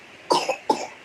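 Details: Two short, moist coughs from a baby/toddler twin who has a cold and cough.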